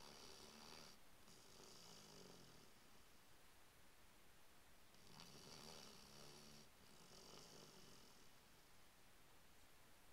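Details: Slow, rhythmic snoring from a sleeping Bloodhound, with low rumbling breaths and airy hissing, about two full breath cycles.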